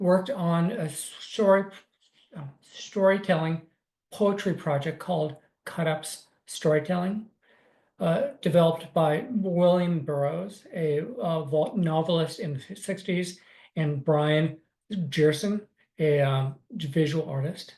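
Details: Adult man with aphasia and apraxia of speech after a stroke on December 9, 2020, about four years earlier, with right-side paralysis; for about six months he spoke only yes/no answers and simple sentences; still recovering.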